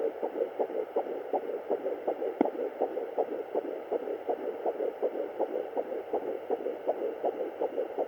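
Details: Fetal Doppler at 10 weeks 6 days of pregnancy: rapid, regular galloping whooshes at about 160 a minute; normal fetal heartbeat.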